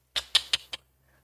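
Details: Vocal tic in a man with Tourette's syndrome, who also has near-constant motor tics of the hands and jaw.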